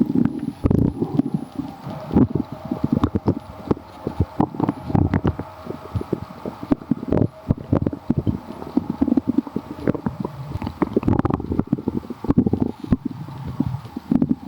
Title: so gurglyyy | stomach growling